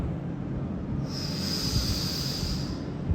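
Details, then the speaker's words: Synchrobreath inhaler demonstration: sitting upright, mouthpiece gripped with teeth and lips sealed, slow gentle inhalation through the mouth, not the nose. A steady low rush of air, then a soft even hiss, showing correct technique. "ఇలా కూర్చొని పళ్ళతో గొరికి పట్టి పెదాలతో మూసేసి నెమ్మదిగా నోటితో పీల్చాలి ముక్కుతో కాదు నోటితో పీల్చాలి"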